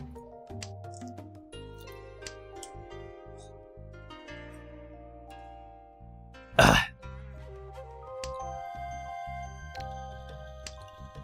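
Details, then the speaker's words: A sick adult gives a single loud, harsh, wet throat-clearing cough that brings up phlegm, over steady game music. "I hope no one has to hear me uh coughing up the phlegm did you hear that uh that's gross I'm sorry"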